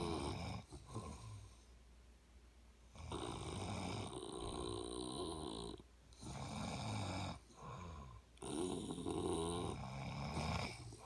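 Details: A person and their dad snoring together, described as competitive snoring: loud rattling snores several seconds long with quieter pauses, overlapping from more than one sleeper.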